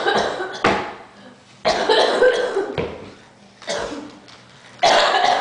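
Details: A person coughing: about six loud, harsh cough bursts at irregular intervals, each fading before the next.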